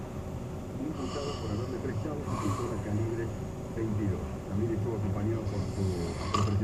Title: Ronquidos De Gente